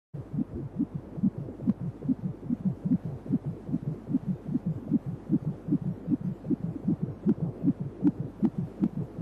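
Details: Fetal heartbeat heard on Doppler during a 3D/4D ultrasound baby scan: fast, steady whooshing beats, roughly 150 a minute, over a low background hum.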